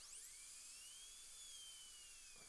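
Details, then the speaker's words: High-pitched whine of a dental handpiece grinding steadily, pitch sliding as it cuts metal, narrowing a serrated hand instrument to fit into a Keystone Prima implant to remove a broken screw fragment. "okay so what I'm going to do is just narrow the diameter of"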